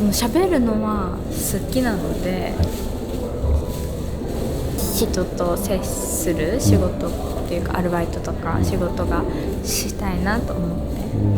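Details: Stuttering in a young female student working at a café staffed by young people who stutter; stuttering worsened around the summer of her second year of middle school.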